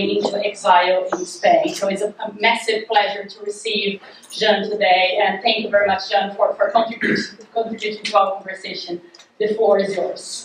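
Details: Adult woman; Normal speech.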